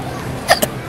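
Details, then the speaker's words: Hiccups at a Tigers baseball game at Comerica Park: two quick, sharp hiccup-like bursts in close succession over steady crowd and outdoor noise. "hey everyone it's crazy and we are at Tire gank with the hiccups yay"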